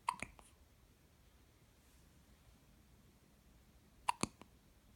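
Quiet room with brief, sharp hiccup clicks in two pairs, about four hiccups, separated by silence. Newborn hiccups.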